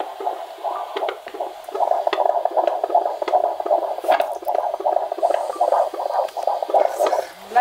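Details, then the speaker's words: Fetal heartbeat on Doppler at the 20-week scan: rapid whooshing at about 155–160 beats per minute with a thump from a fetal kick; normal (110–160) and raised by fetal movement. "Nu hoor je echt die hartklepjes. Dat gaat tik."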